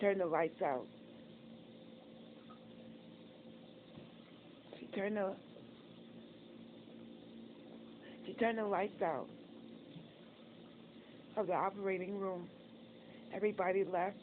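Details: Adult woman disabled after a stroke and several heart attacks, also reporting facial apraxia and recent open heart surgery; she says she cannot control her tongue or get words out right away; word repetitions and reformulations; post-stroke speech impairment (aphasia/dysarthria).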